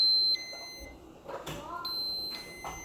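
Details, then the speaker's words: Steady high-pitched electronic beeps with soft room noise: a child's enteral feeding pump alarm calling for attention, a sound the parent reports hearing constantly. "Isn't that a lovely sound? I hear it in my sleep. I hear it when I go grocery shopping. It doesn't matter if my child is there. I hear this beeping."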